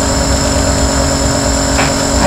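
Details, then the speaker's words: Loud, steady mechanical hum and buzz of an Omron NE-C28 compressor jet nebulizer running during home inhalation therapy. Sessions last up to about 15 minutes for adults and 7–10 minutes for children. "Penggunaan dengan menggunakan jet nebulizer ini kurang lebih selama paling lama 15 menit untuk untuk takaran."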